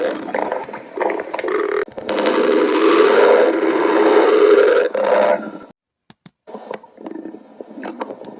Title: stomach growling 9